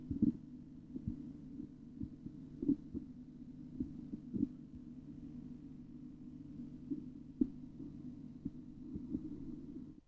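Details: Korotkoff sounds heard during an auscultatory blood pressure measurement tutorial: soft, irregularly spaced tapping thumps over a steady low hum.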